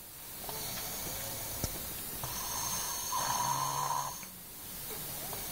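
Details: A heavyset boy snoring: hissy, whistling breath noise rising to a snore-like rattle over background noise.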